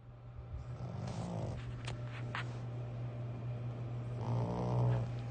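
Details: Sleeping pug snoring: low rumbling, rattling breaths through the nose and throat.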